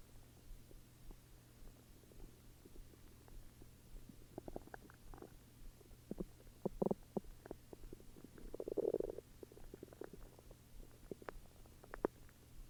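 Low gurgling rumbles and squelching pops from the abdomen over a steady hum, ordinary stomach growling.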